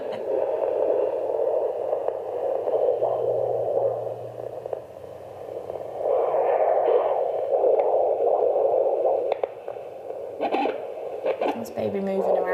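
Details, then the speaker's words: Fetal heartbeat on handheld Doppler in early pregnancy, found by a student midwife at an antenatal clinic: pulsing, whooshing, very clear fetal heart sounds. "Do you know what? That is the most clear heartbeat I've picked up in."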